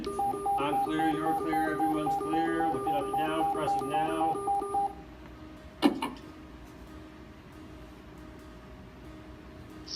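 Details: Simulated EMR class scenario, AED on patient after CPR: repeating two-tone alert, then a brief sharp click of shock delivery followed by a soft steady tone and CPR prompt.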